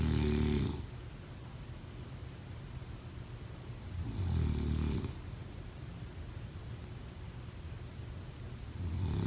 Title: Snoring sound 03/09/2025